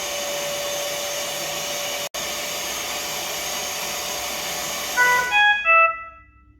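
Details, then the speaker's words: Philips Respironics Trilogy Evo portable ventilator (NIV/invasive) in a demo, just after ventilation is started: steady blower hiss and hum, then a few short electronic tones as it settles; mechanical ventilator running. "Once done, start ventilation."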